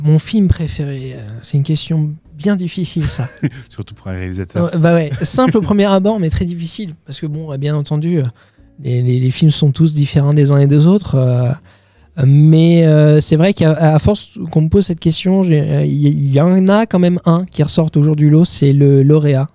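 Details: Stuttering in a 31-year-old man, now mild after much practice; part-word and whole-word repetitions audible.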